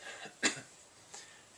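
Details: 31-year-old man with Tourette syndrome since about age 9, mostly motor tics plus vocal tics of coughing and other noises, during an interview: single short, sharp cough-like burst in a quiet room; coughing vocal tic.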